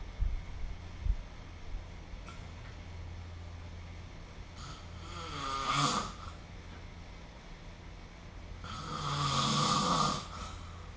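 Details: Two long, rough snoring breaths over about eleven seconds against a steady low room hum, recorded with the SnoreLab smartphone app; ordinary sleep snoring.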